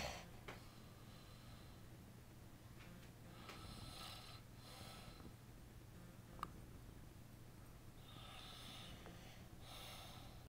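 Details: Man snoring while sleeping: soft, noisy snoring breaths with a few snort-like sounds over quiet room hum; ordinary snoring.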